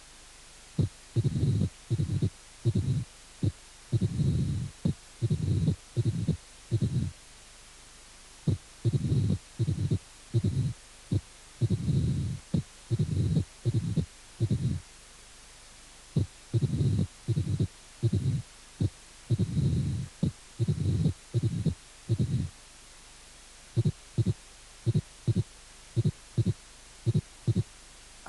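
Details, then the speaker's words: Irregular heartbeat of mitral stenosis in atrial fibrillation: loud first heart sound, opening snap and low diastolic rumble, with no presystolic accentuation. "estenosis mitral en fibrilación auricular primer ruido fuerte chasquido y retumbo no hay arrastre precise tónico"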